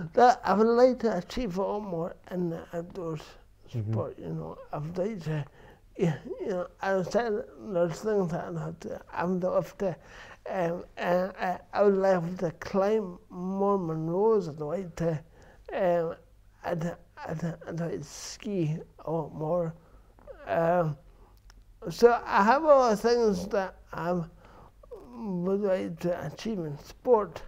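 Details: Adult man with dysarthria from cerebral palsy present since birth, which he says affects his verbal communication, balance and coordination.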